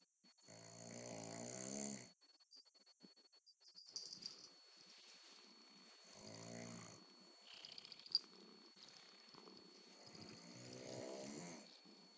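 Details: Snoring: repeated snoring breaths with a buzzing, purr-like quality and some quiet room noise between them.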